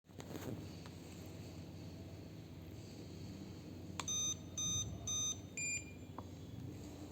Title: Dental x-ray machine Testing after Repairing and service